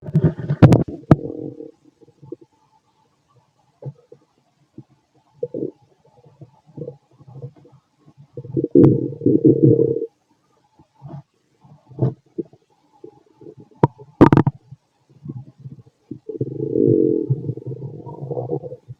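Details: Irregular low gurgles and longer rumbling runs separated by quiet gaps, from a fit male's stomach after lunch and a carton of milk, recorded with a stethoscope; active bowel sounds.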